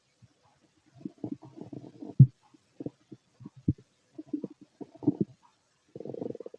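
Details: Empty stomach noises: low gurgling and rumbling bursts, intermittent over several seconds; bowel sounds of stomach growling, with heartbeat elsewhere in the recording.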